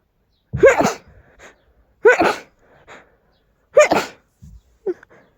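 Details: Three loud, forceful sneezes in quick succession, each a sharp explosive burst with a short breath between, released after strong tickly urges; sneezing.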